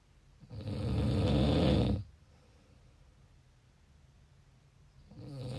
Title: Snoring . 19 April